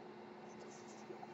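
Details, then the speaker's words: Podcast host's own home ventilator running in the background: faint, steady mechanical hum and hiss in a quiet room; mechanical ventilator noise. "My name is. That noise you're hearing is my ventilator."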